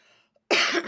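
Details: Woman with a persistent, bothersome cough while eating, after recent hospital IV drips and blood pressure tablets: a single harsh, loud cough after a moment of quiet.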